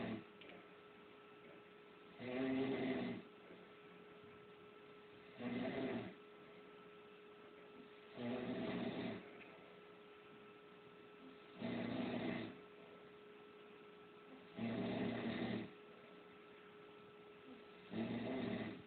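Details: Snoring while asleep on a sofa: regular snores about 20 a minute, each a rough rattling breath lasting about a second, over a steady low hum.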